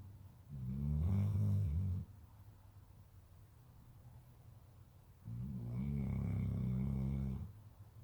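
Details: Dog snoring: deep, rumbling snores on two long breaths with a quiet pause between them.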